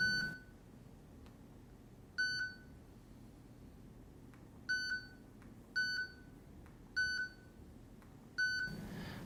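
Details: Short, clear electronic beeps as menu buttons are pressed on a Medtronic Capnography 35 portable respiratory monitor, with quiet room noise.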